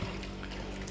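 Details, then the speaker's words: Operating theatre suction machine demonstration with lever set to bottle and flow reduced: steady low motor hum with trickling gurgling as water is drawn through suction tube into collection bottle; suction machine aspirating water. "अब ये देख सकते हैं ये section है क्योंकि मैंने उसका फ्लो कम किया है अब ये देखिए ये पानी इसके अंदर ए रहा है"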